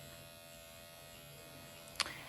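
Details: Automated MD Needle Pen microneedling self-treatment of the forehead at 1 mm depth, kept shallow for pigmentation: steady high-pitched electric buzz with a brief click near the end.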